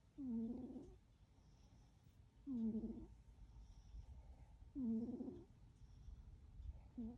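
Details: Regular soft, squeaky nasal snores with a slight whistle, about 27 a minute, from a sleeping cat; snoring.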